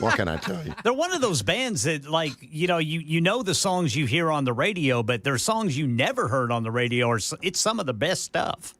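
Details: Adult male speaker; normal voice.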